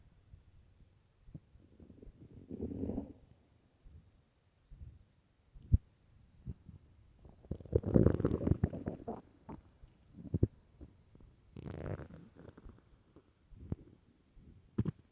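Loud low gurgling and rumbling bowel sounds in irregular bursts; ordinary stomach growling from an empty stomach.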